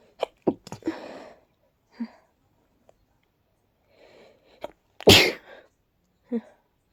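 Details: Congested person with a tickly nose: several forceful sneezes with sharp indrawn breaths between, ending in one big explosive sneeze, too big to stifle.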